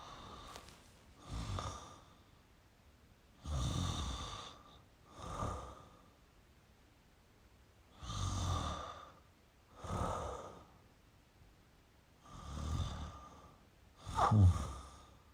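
Slow, noisy breathing with rasping, hissy breaths about every four seconds, near 14 a minute; snoring during sleep.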